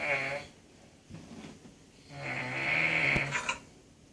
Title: Funny snoring